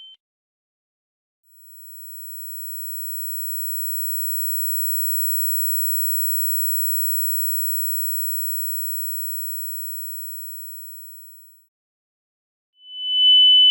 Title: Ear Ringing Sound Effects